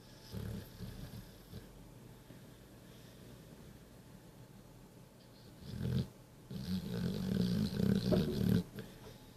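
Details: Sleeping pitbull dog: low, rumbling, rattly noises in bursts with breathing, quieter breaths between; snoring.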